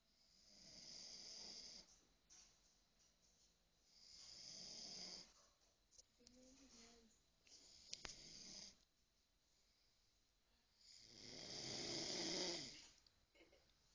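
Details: Slow, breathy snoring from a sleeping adult man, about four drawn-out noisy breaths over fourteen seconds, roughly 17 breaths a minute, in a quiet room.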